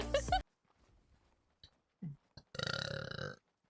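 A loud, deep burp, with brief speech and small sounds before it.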